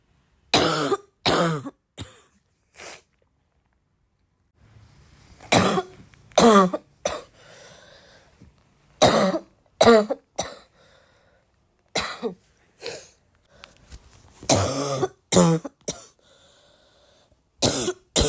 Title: the more I cough, the more I feel like coughing